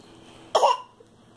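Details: A single short, harsh cough burst in a quiet room.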